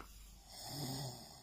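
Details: A single brief, low, rasping breath over a steady room hiss, from a sleeping adult man whose snoring annoys the person lying next to him; snoring.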